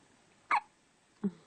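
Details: Hiccups: two short, sharp hiccups about 0.7 seconds apart against quiet room noise.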